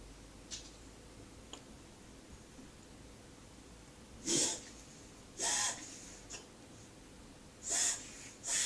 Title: Pamkin cough